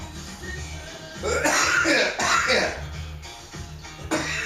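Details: Cough.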